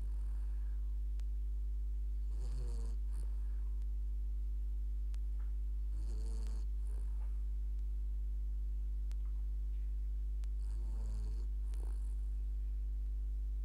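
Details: A dog snoring: soft, rattling snores about four seconds apart over a loud steady hum.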